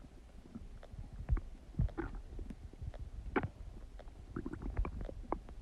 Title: Huge Stomach Digesting Noises | My Stomach Makes Noises